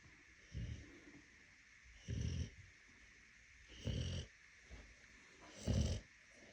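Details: A sleeping Cane Corso, apparently pregnant with puppies, gives deep rumbling snores about one every two seconds, with a faint background hiss; dog snoring.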